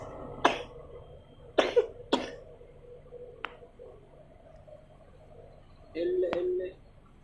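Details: Child who has a cough and fever: three or four short, sharp coughs in a quiet room, with brief faint voice afterward.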